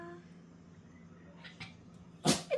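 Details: Dog sneezing from excitement at being offered a walk: a sharp, short sneeze near the end after quieter snuffles.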